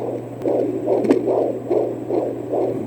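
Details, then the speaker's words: Fetal heartbeat on a home Doppler in a male fetus after previous pregnancy losses: rapid, regular whooshing beats over a steady hum, first reading about 170, then dropping to about 130 to 141 a minute. "gave like 170 there at first and then dropped back to 130 140 141"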